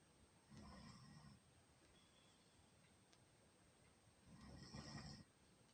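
Two rough, rattling inhaled snores against steady room hiss: ordinary snoring.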